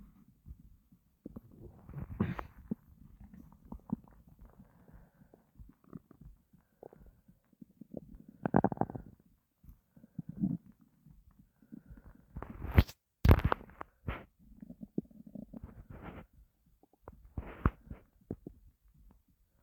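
Low gurgling rumbles and squeaks come and go irregularly over about 20 seconds; ordinary bowel sounds of an empty, hungry stomach.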